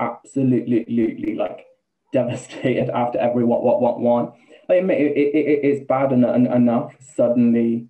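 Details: Man, 28, with Tourette syndrome for about two years, with involuntary swearing, repeated words and a stammer: Tourette syndrome with vocal tics and stammering.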